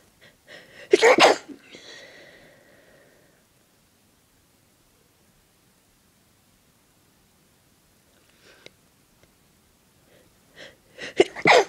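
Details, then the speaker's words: Deliberately performed sneezes with breathy build-ups: a sharp sneeze burst with a short breathy tail, a long quiet pause, then faint build-up breaths and another sneeze. "I want to sneeze. I'm gonna..."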